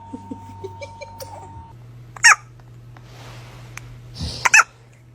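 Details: Baby hiccups: soft catching sounds from a baby with two sharper hiccup bursts over a low room hum.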